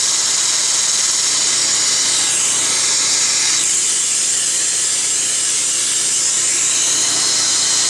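Continuous high-pitched whirring and grinding of dental instruments during root canal work on a tooth.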